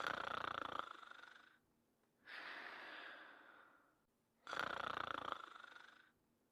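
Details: Imitated (simulated) snoring of a sleeping cartoon dog character: slow, loud, rasping sleep breaths, about 20 a minute, noisy on both in and out breaths.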